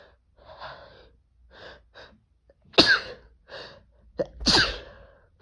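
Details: Several catching inward breaths building up, then two forceful male sneezes, deliberately induced with toilet paper in a congested person; ordinary sneezing.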